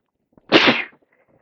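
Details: Sneeze on day 3 or 4 of a cold with heavy congestion: a brief intake followed by one sharp, explosive sneeze.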